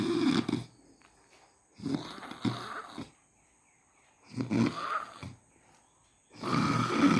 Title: Snoring in day light